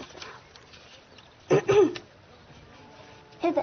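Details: Two short, voiced throat-clearing bursts and a brief third one in a quiet room, from a cough and throat-clearing compilation.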